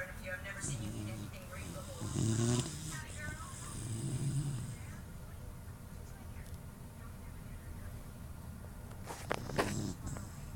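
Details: Sleeping puppy, which the owner suspects has a deviated septum: low rumbling snores over steady background noise, with a brief snort near the end.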